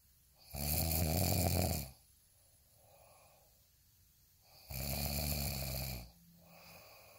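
Two loud, rough, low rattling inhaled snores about four seconds apart, with softer breaths between them. Typical snoring.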